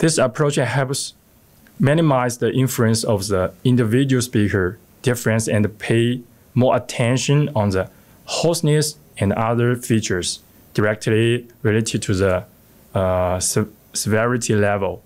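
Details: Adult man speaking; normal speech.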